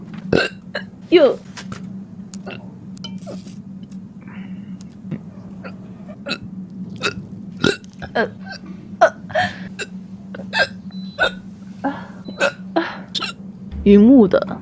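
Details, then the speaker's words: Repeated short, sharp vocal bursts a second or two apart over a steady background hum, as the speaker says she has started hiccupping; hiccups. "等一下，我开始打嗝了。等一下，打嗝真的太好了。"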